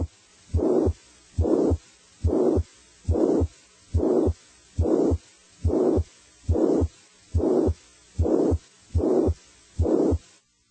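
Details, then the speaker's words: Teaching example of mitral regurgitation: regular heart sounds near 71 a minute with a blowing pansystolic murmur starting with S1 and stopping at S2 without a gap: pansystolic murmur. "A panstolic murmur as heard with micro regurgitation starts with S1 and stops at S2 without a gap between murmur and heart sounds."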